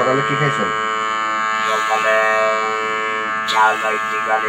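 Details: Electrolarynx speech after total laryngectomy, using a device held against the neck; the voice sounds mechanical.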